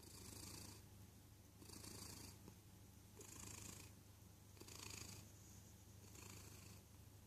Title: Cat snoring